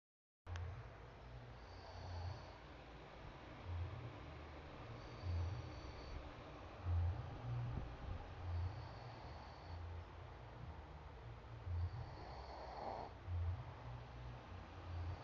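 Low, rumbling snores recur at a steady rhythm through quiet room noise: ordinary snoring.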